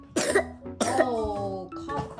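Two acted coughs from an adult, each a sharp burst with a voiced tail, over soft background music.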